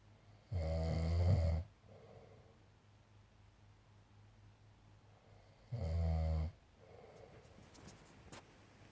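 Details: A person asleep after returning from a work trip, with two deep, loud, rattling snores about five seconds apart, roughly 12 breaths a minute, and quiet breathing between; snoring.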